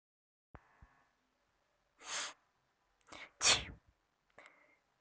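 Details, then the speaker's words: Acted "silent sneeze" from an adult: soft, stifled, breathy hissing bursts with faint clicks, a deliberately suppressed sneeze. "तो आज का जो हमारा पहला स्नीजर है वो है साइलेंट स्नीजर।"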